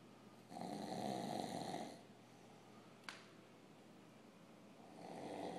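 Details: Man snoring in his sleep: soft, rumbling inspiratory snores with quieter breaths between and a brief click in a quiet room; ordinary snoring.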